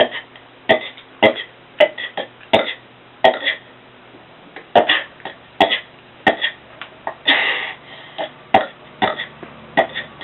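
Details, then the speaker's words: Person deliberately burping as many times as possible in one minute (about 89 counted): rapid run of short, gulping belches, some with a throaty rasp. "hey I'm going to see how many burps I can get one minute it's going to be kind of hard I hope I don't puke"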